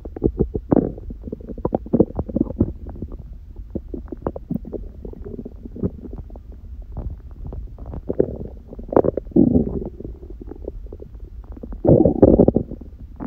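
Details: Hunger stomach growling in an adult lying down, second such recording, on a raw-food diet with one meal a day and only a smoothie in the morning: continuous low gurgling, bubbling rumbles with louder surges; normal borborygmi.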